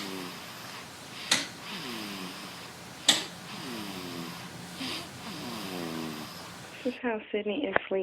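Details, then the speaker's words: Young child imitating mommy's snoring when asked: repeated snorting, rattling breaths ending in giggly voice sounds. "What noise does mommy make when she sleeps?"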